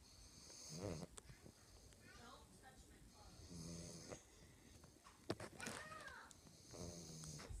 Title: Snoring pug